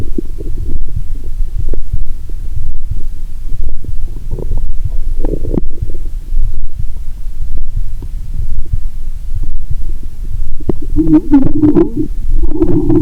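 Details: Stethoscope on own abdomen while lying down after a Mentos and cola challenge (not all the cola drunk): low rumbling and gurgling with irregular bubbling toward the end, no sloshing sound, perhaps from too much fluid; active bowel sounds.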